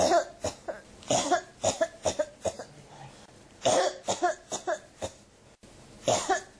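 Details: Person with a cough that won't stop: repeated clusters of short hacking coughs one after another with brief pauses; persistent cough.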